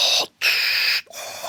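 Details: Adult man with severe obstructive sleep apnea, diagnosed at 37–38 by polysomnography, imitates breathing through his CPAP mask: two loud hissing, masked-sounding breaths in and out.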